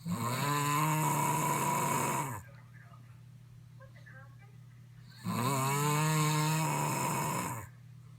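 Two long, loud, rattling snores on the in-breath, separated by a quiet pause; heavy snoring.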